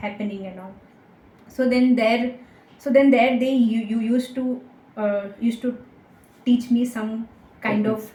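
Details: Young woman with stammering that began in third or fourth standard and worsened with age, treated with speech therapy, a stammering self-help group member, stammering very little here; finding: stuttering (stammering).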